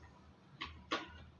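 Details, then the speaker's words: Fetal heart sounds on a handheld Doppler during a midwifery auscultation practice exam. The rate was read from the Doppler display, stated as "100.30" per minute. Rhythm regular, sound clear and not intermittent; fetus judged healthy: normal fetal heart sounds. "baiklah Ibu hasil pemeriksaannya gabus gitu ya frekuensinya 100.30 kali permenit Alhamdulillah janinnya sehat yaitu iramanya juga teratur jelas suaranya juga tidak hilang timbul"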